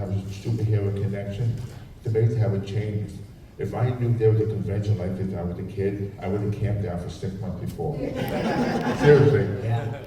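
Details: Man with profound hearing loss, a speech impediment since childhood, phonetics training, and a cochlear implant; deaf speech (speech of profound hearing loss).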